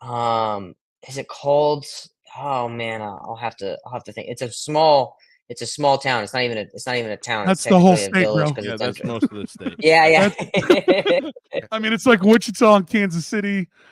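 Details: Adult male with a real stutter, word repetitions in conversational speech; stuttering.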